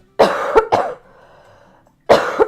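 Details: Cough from an adult who is sick, along with several others around her, with fluid in the lungs; cough heard during a chatty drawing stream.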